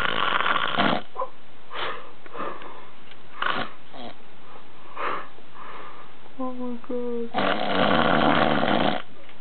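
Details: Drunk adult male passed out on a bed after a long day of drinking: loud, rough snores with snorting breaths and a brief whistly sound between them; heavy snoring in deep sleep.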